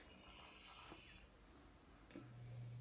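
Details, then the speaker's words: Snoring recorded while the person slept and replayed on a phone: a rough, raspy breath noise, a pause, then the start of a low, tinny buzzing snore. "eu tô gravando você roncando. Tá vendo como você ronca também?"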